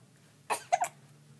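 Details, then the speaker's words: Baby at bedtime with hiccups: short, abrupt bursts of sound in a quiet room; infant hiccup episode. "oh oh somebody's got the hiccups"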